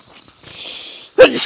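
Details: Sneeze heard while a 14-year-old boy's grandfather, breathless with audible wheezy breathing and ill for about three years, is taken for a medical exam: sneeze.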